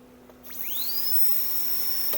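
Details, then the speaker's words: Triton Traveler portable field dental unit: high-speed handpiece drill run at full pressure to gauge compressor performance, a high-pitched whine rising quickly to a steady shrill tone, holding pitch without slowing. "we want to gauge the compressor performance by running the handpiece drill at full pressure"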